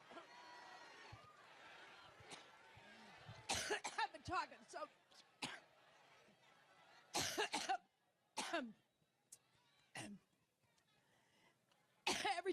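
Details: A woman's coughing fit during a campaign speech in Cleveland, Ohio: repeated loud coughs in clusters over several seconds, with quieter crowd and room noise between bursts, a prolonged coughing fit.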